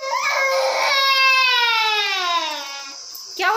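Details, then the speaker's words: Infant crying: a baby boy's sustained high-pitched wailing that slowly falls in pitch, then starts again while an adult comments that he is really crying a lot. "हुआ बेटा? ओ बेटी ले जाओ ले जाओ, रो रहा है, रो रहा है, सच में बहुत रो रहा है यार।"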